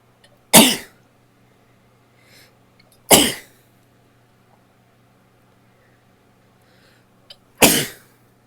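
Three separate explosive bursts a few seconds apart in a quiet room; repeated sneezes.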